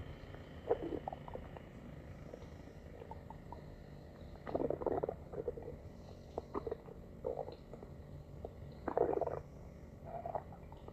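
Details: Stomach growling (borborygmi): soft gurgling rumbles in short bursts over low background noise; ordinary.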